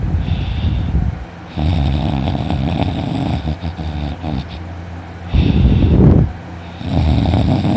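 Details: Adult's heavy snoring while sleeping in one morning: loud, harsh, rattling snores on each breath in with quieter pauses; the snorer reports a very sore throat afterwards.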